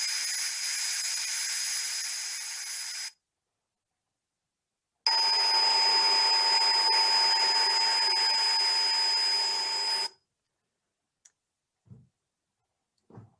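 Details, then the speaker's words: Tinnitus simulation played by a woman who has tinnitus: two loud bursts of harsh hissing buzz with steady high-pitched shrill whistling tones. "I’d been experiencing a high-pitched sonic shrill whistling noise in my"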